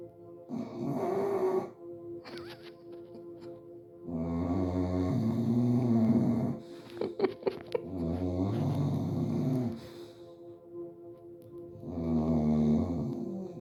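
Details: Sleeping English bulldog snoring like a human: loud, drawn-out rumbling snores on the in-breath, about four over the span, with softer snorts between; steady snoring.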